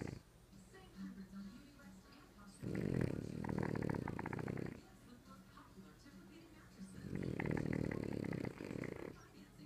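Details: French Bulldog asleep, two loud, rattling snores about four seconds apart, each a rough fluttering noise through the breath; snoring.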